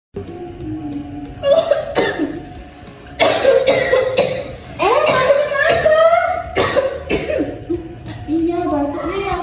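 Acted adult coughing, a run of sharp repeated coughs with vocal sounds and light background music.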